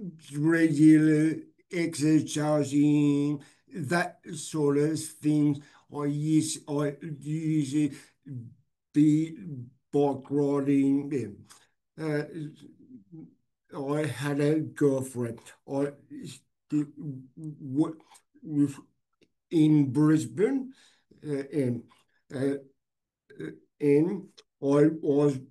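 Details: Adult man with aphasia after a stroke 6 years earlier, hospitalized 6 months, reporting difficulty speaking and not reading since; aphasia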